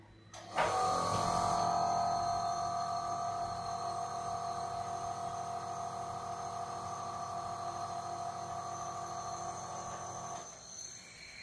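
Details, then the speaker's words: Aero compressor nebulizer demonstration, medicine cup connected to a mask, foot-pressed on: small compressor switches on, runs with steady hum and whine, then stops; dose takes seven minutes; compressor nebulizer running. "it takes seven minutes to complete our dose"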